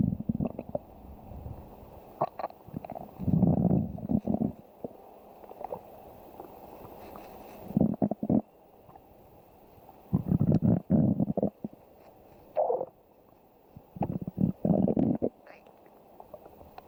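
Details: Ordinary stomach growling (borborygmi): irregular low gurgling and rumbling bursts with squelchy pops over about seventeen seconds, from gas and fluid moving through the gut.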